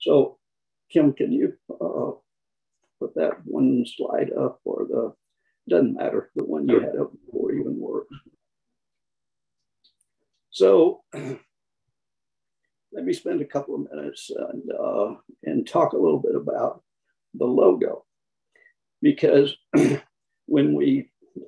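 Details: Man with spasmodic dysphonia, who counts himself among people with the condition; the finding is spasmodic dysphonia.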